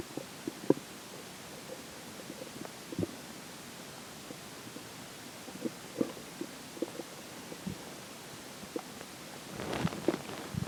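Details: Stomach growling during digestion, as the water and air take major effect: frequent small gurgles and pops over a steady hiss, busier near the end; bowel sounds.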